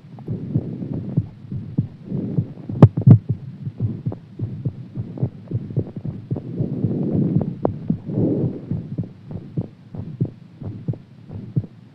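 Fast, strong, thumping heartbeat, roughly 100 to 110 beats a minute, with a muffled rushing hum; a quickened heart rate after exercise.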